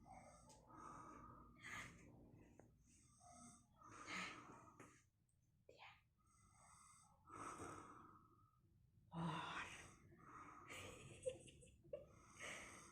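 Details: Rough, rattling snores with noisy, wheezy exhalations from a deeply sleeping grandfather, asleep after eating and taking medicine, in a quiet room; snoring.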